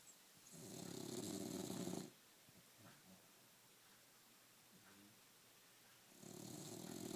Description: Want a Bulldog? Better be able to sleep through this.